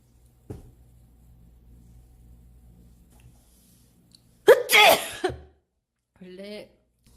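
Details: Sneeze, with runny nose: a sharp inhaled catch then one loud explosive sneeze, followed by a brief voiced sound in a quiet room.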